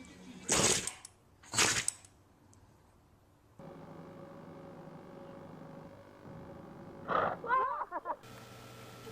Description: A compilation of animals sneezing.